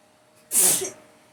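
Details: On waking in the morning, a single sharp, forceful sneeze with a hissy burst of air; hard morning sneezing.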